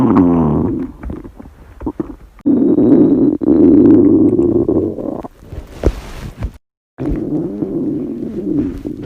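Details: Stomach growling in a girl on a diet, in a staged hunger scenario: long, loud, low gurgling rumbles with short pauses between them.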